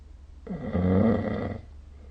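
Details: Snoring during sleep recorded with the SnoreLab app: one low, rattling rumble lasting about a second on a breath, then quiet.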